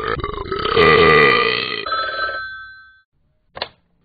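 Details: Simulated burp from the Talking Ben the Dog phone app: a long, loud, ringing burp lasting about two seconds and trailing off, then a brief click; burping.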